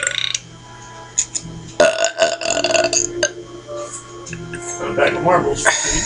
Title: Burping!